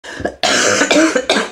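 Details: An adult with whooping cough that is worse at night, near pneumonia per the speaker, gives a short run of harsh, forceful coughs in quick succession: pertussis cough.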